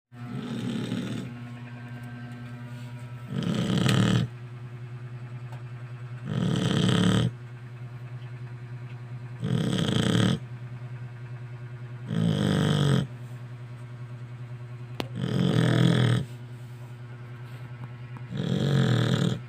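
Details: Pregnant dog snoring as loud as a human: steady, regular snores roughly every three seconds, about 20 a minute, over a constant low hum in a quiet room; snoring.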